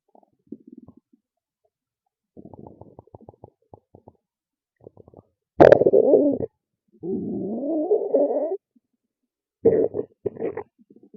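Loud gurgling stomach growls with bubbling pops and long rumbles, ordinary bowel sounds.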